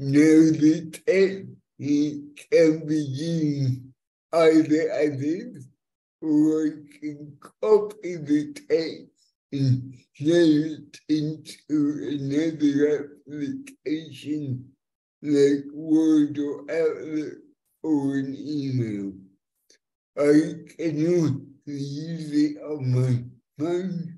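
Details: Adult man with cerebral palsy since birth affecting fine motor control and speech, after years of speech therapy, demonstrating a speech-recognition web app; finding: dysarthria (cerebral palsy).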